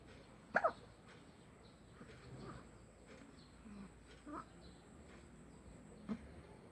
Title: Baby hiccups